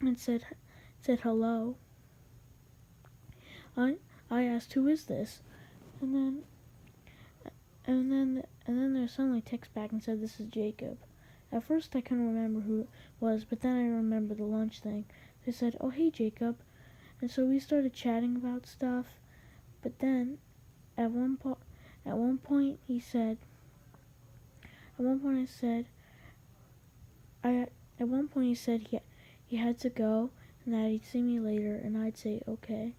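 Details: Male narrator who says he has a little stutter; stuttering.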